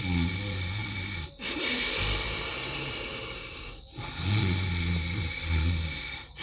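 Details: Monkey sleeping in the early morning: rhythmic, low, rattling snores on each breath with brief pauses between them; snoring.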